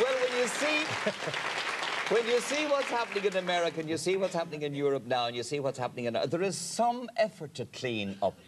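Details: Adult male speaker; Normal speech.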